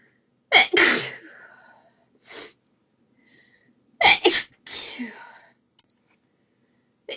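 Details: Woman's desperate sneezing fit, audio only: two pairs of sharp, explosive sneezes in quick succession with brief pauses between. Sneezing.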